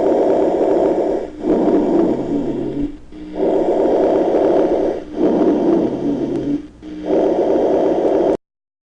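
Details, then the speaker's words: Sonorous rhonchi, teaching example: low, snoring rumbles through repeated breaths at about 16 per minute, from narrowed medium and large bronchi. Heard in both phases, mainly inspiration, and changing with cough and expectoration. "se escuchan en todas las regiones del tórax son movibles y cambiantes escuchen los dos tiempos de la respiración aunque fundamentalmente en la inspiración ofrecen sensación palpable que se denomina freno bronquial y se modifican con la tos y la expectoración"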